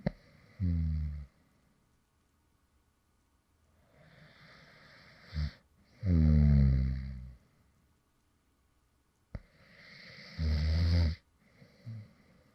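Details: Adult male, light snoring after falling asleep mid-recording: slow breathing, about 14 breaths a minute, with rattling, buzzing snores on several breaths.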